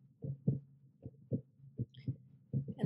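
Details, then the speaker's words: Steady paired lub-dub heart sounds, regular rhythm, about 75–80 beats a minute, heard through a Stemoscope wireless Bluetooth stethoscope in heart mode; normal heart sounds. "you can hear the actual heartbeat and you change it to lungs if you want to listen to the lungs"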